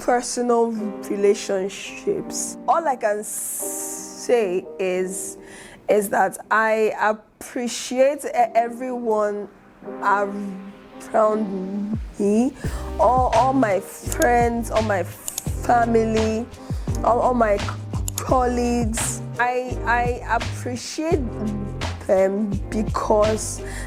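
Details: Adult woman who stutters, aspiring public speaker, with repetitions such as 'is is', 'all all my friends' and 'I I appreciate'; stuttering.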